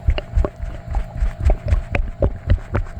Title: Sloshy stomach noises after drinking milk and eating cheesy foods